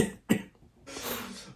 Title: When u are coughing this winter